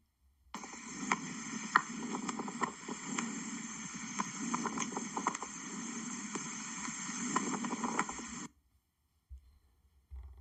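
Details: Crackles, abnormal breath sounds on lung auscultation, presented in a cardiac and pulmonary examination teaching recording.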